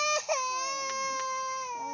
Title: Baby Crying For Vice Ganda